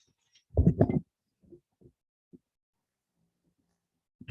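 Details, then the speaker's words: Small pet dog snoring audibly in the background of a podcast recording. Snoring. "Wait, by the way, we're at the point in the show where you can hear my little dog snores."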